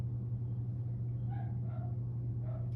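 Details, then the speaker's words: Renal artery auscultation with a stethoscope during an abdominal assessment of a male patient: steady low hum with faint soft sounds, no whooshing, so no renal bruit (normal). "this patient doesn't have any switches or breweries it would be it wouldn't be very wealthy heady it could be stenosis partial occlusion or aneurysm of arteries"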